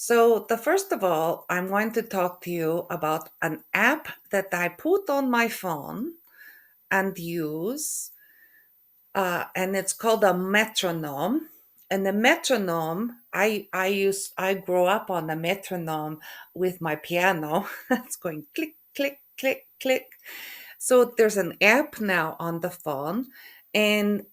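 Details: Woman with aphasia after a stroke, also with functional neurological disorder; halting speech with hesitation between words, word-finding difficulty (anomia) and stuttering; aphasia.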